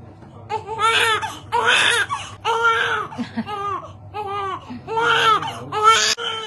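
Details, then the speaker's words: Repeated loud, rising wails in bursts with gasping breaths between from a newborn boy on hospital day 2, crying vigorously during a sponge bath before discharge; newborn cry. "Okay, baby is getting the sponge bath, guys. చాలా ఏడుస్తున్నాడు, but full క్లీన్గా అయిపోతున్నాడు అనమాట sponge బాత్కి."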